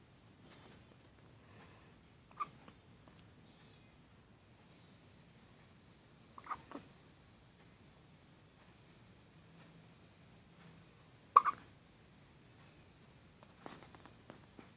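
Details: Soft, brief clicking hiccups from a cat, about four over fifteen seconds, against quiet room noise; hiccups.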